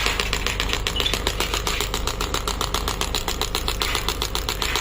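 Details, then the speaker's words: Biotronix pneumatic shockwave physiotherapy device started from the handle, pneumatic compression inside: loud rapid mechanical pulses about 90 a minute over a steady machine hum; shockwave handpiece firing. "Once you press the start button and the start button in the handle, then it will start working. It's a very good machine. Machine is having a compression, pneumatic compression inside, so that is putting the structure."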